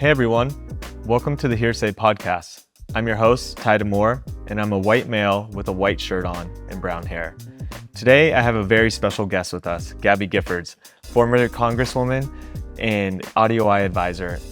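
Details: Adult man speaking; normal speech.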